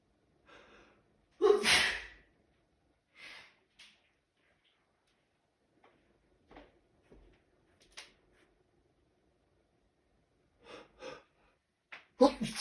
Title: Natural Sneezing Fit